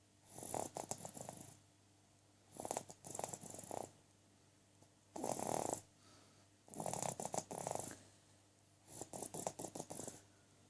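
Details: Snoring recorded 3/08/2013: five rhythmic, rattling snores over about ten seconds, each a fluttery noisy breath with quiet gaps between, roughly 25 breaths a minute.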